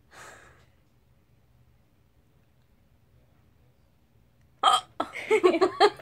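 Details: A girl hiccups while laughing: a breathy sound, a pause, then a sudden hiccup-like burst followed by rapid bursts of laughter.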